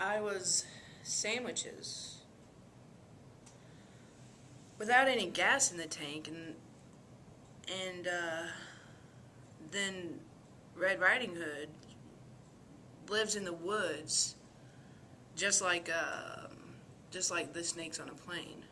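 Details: Acted demonstration of disorganized speech with flight of ideas, disconnected and hard to follow; presented as associated with dementia, delirium, schizophrenia and substance abuse.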